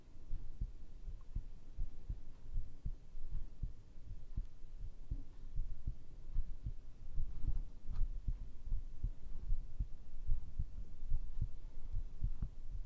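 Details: ASMR heartbeat recording, tagged as made with a binaural microphone: steady, low thudding heartbeat at about 76 beats a minute under a soft hum, a normal heartbeat.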